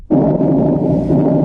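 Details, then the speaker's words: Normal breath sounds of a normal person heard through a stethoscope: soft, steady rush of air, no wheeze or crackle. "இப்போ ஒரு normal பர்சனுக்கு இந்த steth வச்சு கேட்கும் போது அது காத்து கஷ் ஆற மாதிரி இப்படிதான் கேட்கும்."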